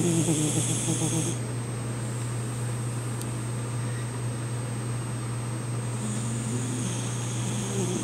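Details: Snoring in a sleeping American Eskimo (Eskie) puppy, worn out after a long day of traveling: soft, rough snoring breaths with a steady low hum behind them.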